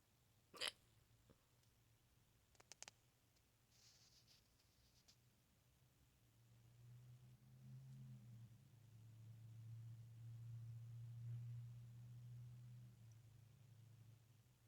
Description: made a video of me having hiccups with neck view